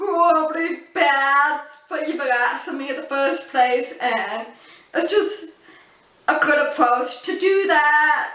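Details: Adult woman born deaf, using cochlear implants, who learned spoken English through childhood speech therapy; a deaf accent often mistaken for a foreign accent; deaf speech.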